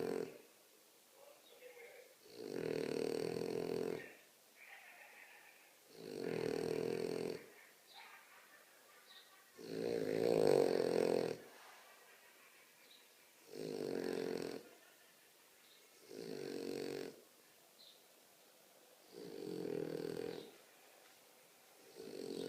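Loud, regular rattling snores about every three seconds, roughly 20 a minute, with quiet breaths out between them.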